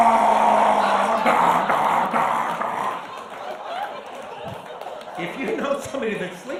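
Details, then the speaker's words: Adult man who has sleep apnea imitates it: harsh, rasping snoring giving way to quieter choked, gulping sounds, mimicking airway closure during sleep. "I'm going to do an impression of sleep apnea for you now this what it sounds like if you have sleep apnea"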